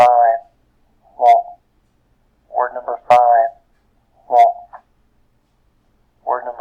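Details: Simulated hearing loss: filtered speech demonstrating the learning effects of hearing loss.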